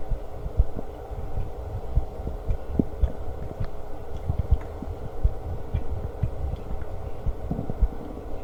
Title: Stomach Growling while eating Lunch w/ Burps